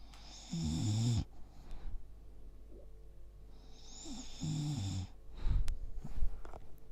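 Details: Old English bulldog asleep: deep, snorting snores with a whistling edge, about four seconds apart, with rustling between; snoring.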